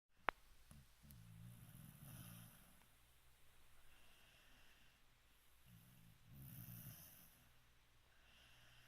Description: Annie is keeping me warm and snoring all at the same time. What a multitasking puppy!